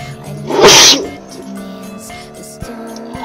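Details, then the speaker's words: A single loud, explosive sneeze, with soft background music, made while attempting to sneeze with both eyes open after four earlier tries; the eyes closed anyway. "So, it is impossible to sneeze with both eyes opened. Okay, I just don't want to try anymore. I can't sneeze with both eyes opened."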